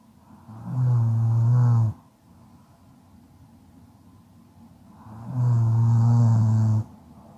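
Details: Sleep snoring: two loud, deep rattling inspiratory snores about five seconds apart with quiet expiration between; ordinary snoring.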